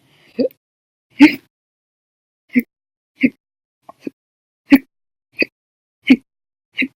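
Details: Nine sharp, abrupt gulping hiccups over seven seconds, some loud, some faint, about one every 0.7 seconds; hiccups lasting 14 hours after meals and a cup of soda after dinner.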